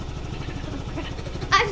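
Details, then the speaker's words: Person with cystic fibrosis doing twice-daily chest therapy with an inflatable airway clearance vest (15-minute timed session): steady low rapid pulsing hum like a small engine as the vest vibrates the chest to loosen mucus, voice vibrating. "And then it vibrates. And it makes my voice vibrate because it vibrates me. And yeah, so it vibrates me a lot."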